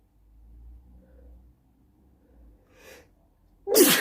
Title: Loud sneezing at night